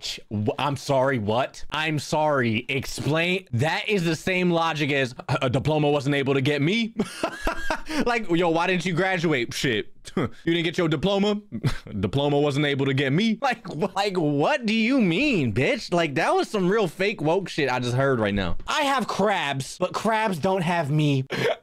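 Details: Adult male speaker; Normal speech.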